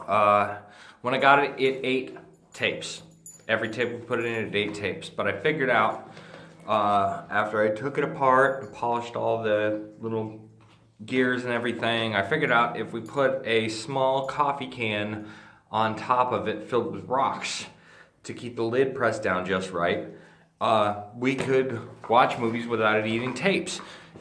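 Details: Ataxic dysarthria in a male speaker with Friedreich's ataxia, a degenerative neurological disease that he says slurs his speech and also causes difficulty swallowing.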